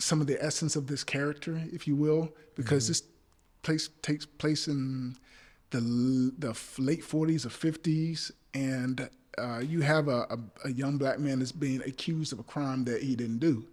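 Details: Adult male actor with a speech impediment (stammering), who notes he is stuttering now while recalling a past play though not nervous; stuttering.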